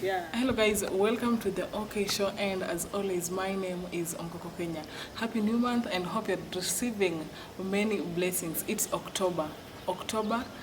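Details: Adult woman, show host; fluent speech.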